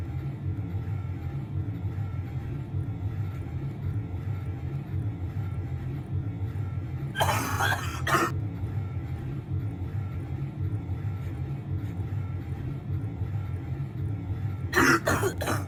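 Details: Nocturnal cough recorded at night in a kitchen/laundry room: two short bursts of two or three coughs each over a steady low laundry machine rumble.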